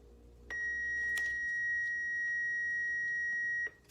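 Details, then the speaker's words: Adult AED training demonstration: steady high electronic start-up tone lasting about three seconds after the defibrillator's green on button is pressed, before pad-placement voice prompts. "And then, you open and turn on the AED. It's really simple to use. They all pretty much work the same way. They have an on button."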